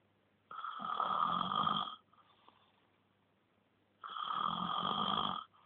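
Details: Ordinary snoring: two long, loud, rattling snores on breathing in, with a quiet pause between them.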